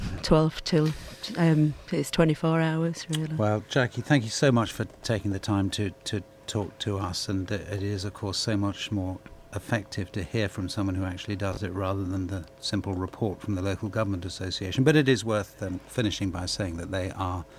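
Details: Adult male radio presenter; typical speech.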